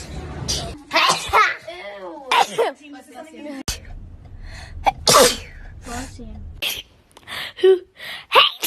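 Several sharp, breathy sneezes, each with a quick inhaled lead-in and a forceful burst, mixed with brief talk; ordinary sneezing.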